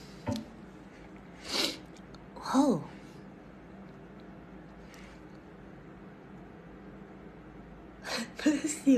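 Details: A person sneezing and trying to sneeze: several sharp, breathy bursts, some with a brief voiced squeak, over quiet room noise.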